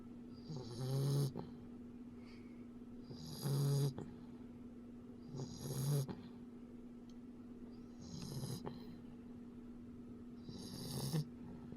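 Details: Soft, low snorting snores with each breath, about 25 a minute, over a steady background hum; snoring.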